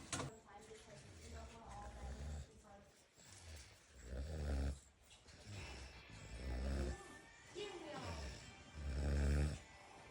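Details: Pigs snoring while settling for a nap after eating.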